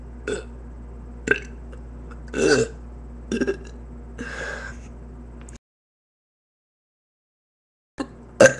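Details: Several short burps and one longer drawn-out belch, a pause, then two more burps over a low steady hum; repeated belching.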